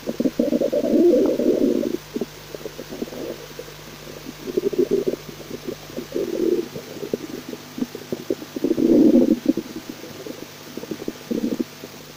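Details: Stomach digesting cream of leek soup: loud low gurgling rumbles in several long bursts with bubbling pops between, over a faint steady hum; stomach growling (borborygmi).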